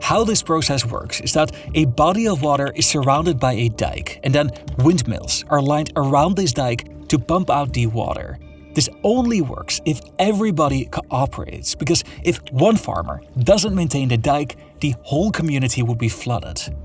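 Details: Adult male narrator; ordinary speech.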